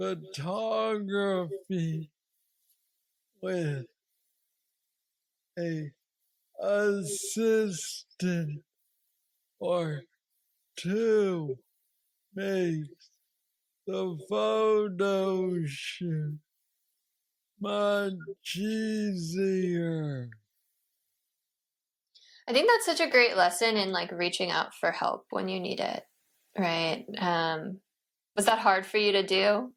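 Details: 46-year-old man with Parkinson's disease diagnosed at age 35, which he calls the most aggressive form; he has a deep brain neurostimulator implant and mobility struggles; Parkinsonian speech (hypokinetic dysarthria).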